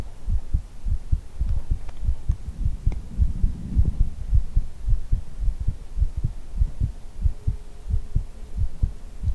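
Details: Steady, low, thumping heartbeat at about 54 beats a minute with a faint hum, recorded as ASMR; an ordinary resting heartbeat.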